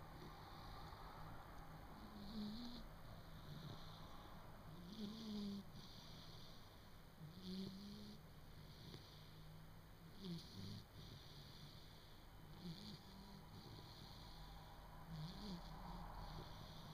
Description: puppy coco snoring then gets woke up =(